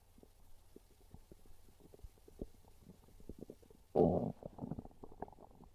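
Low gurgling and bubbling from the belly that rises to a loud growl, then trails off: ordinary hunger stomach growling.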